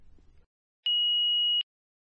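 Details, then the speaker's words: A single steady high-pitched electronic tone under a second after a brief rustle: power-on beep of a Philips HeartStart FRx automated external defibrillator after pressing the green on/off button, in a demonstration. "to start the defibrillator press the green on/off button and follow the heart start fr X's voice instructions"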